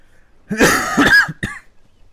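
A single harsh, throaty cough with a short rasping follow-up, close to a forceful throat clearing.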